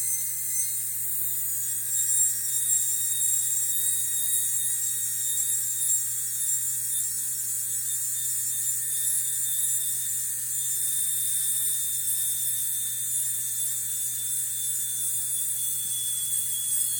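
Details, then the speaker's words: Steady high-pitched whine of a high-speed dental drill, slight pitch dips as the burr moves back and forth smoothing shallow depth cuts during a crown preparation. "Okay, so I have a couple shallow depth cuts here, and I'm just gonna smooth all of them out by moving my burr back and forth."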